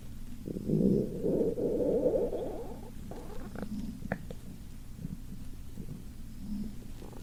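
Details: Sleeping girl who is hungry: a low gurgling stomach rumble for a few seconds, then fainter irregular bubbling over low room noise; hunger-related stomach rumbling (borborygmi).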